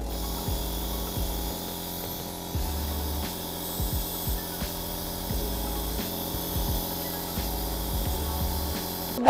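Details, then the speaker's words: Onemed 405A compressor nebulizer running during a noise test, measured at 51.0 dB: continuous mechanical buzz with rattling pulses, fairly loud. "sekarang aku mau coba dulu nih buat tes kebisingan alat oneemate 4 05a dulu kita Nyalakan ya 51,0 desbel"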